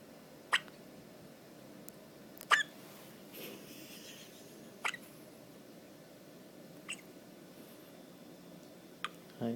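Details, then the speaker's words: Repeated soft, sharp hiccups about two seconds apart, roughly 30 a minute, in a quiet room, with the subject passing gas at the same time; hiccups. "You got the hiccups? Worst part is he's tooting at the same time."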